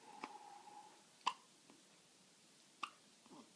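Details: Soft, brief clicking hiccups from a baby girl, two clear ones about 1.5 seconds apart plus fainter catches, in a quiet room. Infant hiccups.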